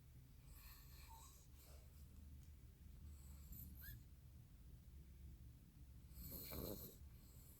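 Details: Dog snoring hard in sleep, very tired after a trip to San Francisco: low rumbling sleep breaths with soft snorts against faint background noise.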